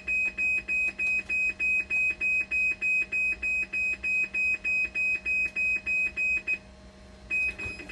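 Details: Rapid, regular high-pitched beeping, about three beeps a second, pausing briefly then resuming: a dialysis machine alarm flagging a low transmembrane pressure (TMP low) fault during repair.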